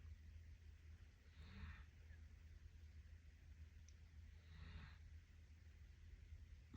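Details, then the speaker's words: A female dog sleeps and snores quietly: two soft, raspy breath noises about three seconds apart over a steady low room hum. "My dog's snoring. I don't know if you can hear or not. She's over there snoring."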